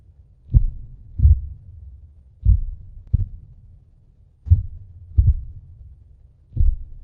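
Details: Simulated heartbeat sound effect for a fictional vampire: deep, booming paired thuds repeating slowly; theatrical heartbeat.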